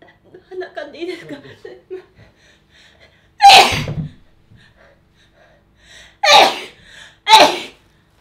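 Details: Woman with a minty, cool-feeling nose, after asking to blow it, gives three loud, explosive sneezes in quick succession, each with a sharp intake before it; repeated sneezing.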